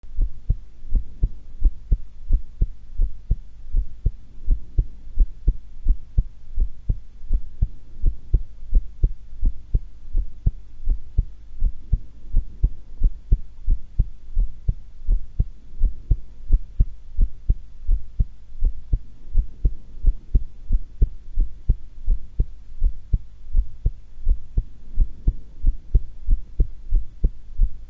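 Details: Adult at rest, calm and not anxious, holding breath twice: steady, regular low heartbeat thumps; normal heart sounds during breath-hold.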